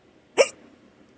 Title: Random morning hiccups - audio